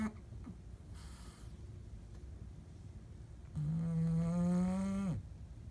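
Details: Soft low breath, then one loud, long, buzzing snore on the in-breath lasting about a second and a half; snoring.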